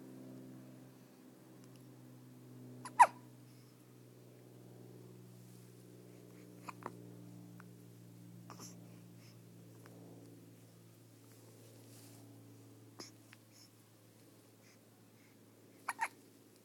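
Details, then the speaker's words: Baby hiccups: soft, brief hiccup clicks every few seconds over a quiet background hum; the baby also had hiccups in the womb. "You had hiccups in Mommy's tummy, too. Oh. But the doctor said that means you have long, strong lungs."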